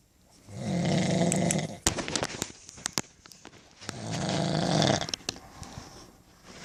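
Two long, rattling snores on breaths in, with clicking and smacking noises between them.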